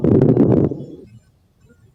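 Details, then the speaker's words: Recorded lung sound played in an EMS teaching quiz: coarse crackles, like big bubbles, from air passing through moisture in the airways or collapsed alveoli opening abruptly. "very coarse i would say course just by this recording i always think of it as like big bubbles or little bubbles"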